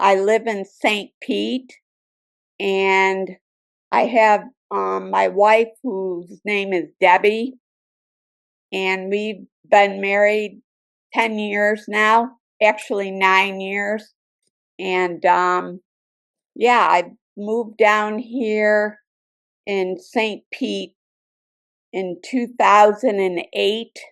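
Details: Adult woman with aphasia after a 2017 stroke, who lost speech for about nine months and had intensive speech therapy, and still has difficulty when stressed or overtired; aphasia.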